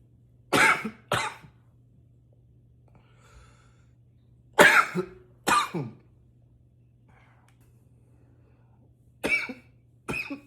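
Three pairs of forceful harsh coughs, six in all, separated by quiet pauses over a low steady room hum.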